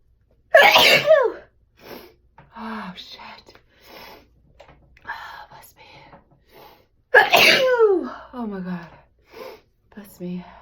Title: Sneezing 🤧